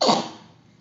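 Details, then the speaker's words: Cat coughing on a bed; the owner wonders whether it has a cold or swallowed fur. A single short, sharp cough that quickly fades; coughing. "Только не на постель. Как маленький ребенок кашляет. Ну, что, порядок? Все, откашлялся?"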